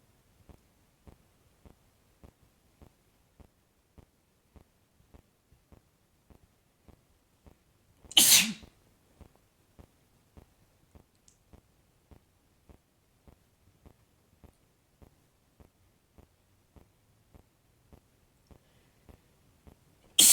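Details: Man (boyfriend) sneezing: one loud, explosive sneeze over faint regular ticking, a second sneeze starting at the very end; sneeze.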